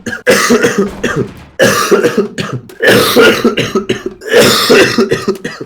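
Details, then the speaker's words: Man who coughed all evening, with coughing so bad he says his eyes feel like they bulge: four loud, harsh, wet-sounding coughs, each a burst followed by shorter rattling after-coughs, in a small room. "так плохо, когда я кашляю, что такое ощущение, что глаза на лоб вылазят."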